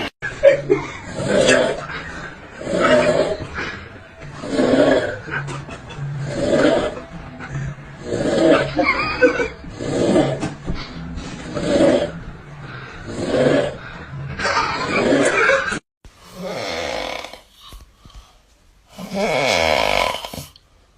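Loud, rough, rhythmic snores repeat quickly, followed by a few different snorting sounds at the end.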